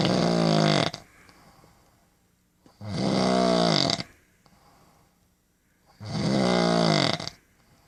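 Loud rattling snores, about one every three seconds, with quiet pauses between each breath: regular heavy snoring.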